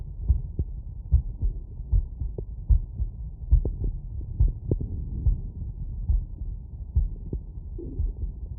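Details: Regular low lub-dub heartbeats through a stethoscope, about 72 a minute, with a steady background hum, recorded lying down after physical workload: normal heart sounds.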